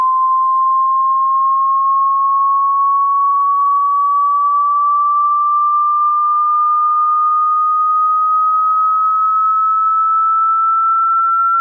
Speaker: the test will start at 80 Hertz and will slowly increase all the way up to 18 kilohertz but that all being said good luck with the test